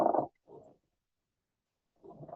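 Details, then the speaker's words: Pleural friction rub played in a semiology class: short, rough creaking bursts with breathing, likened to a small dog's snoring, from inflamed pleural layers rubbing together. "a ver, no sé si por acá se logra escuchar el frote pleural. ¿Cómo sería un flote proral?"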